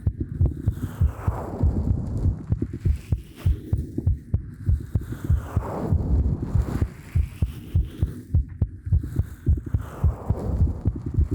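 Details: Heartbeat sound in an ASMR recording made with a 3Dio Pro binaural microphone: steady, regular low thumping beats at about 100 a minute with a soft hum behind; normal heartbeat.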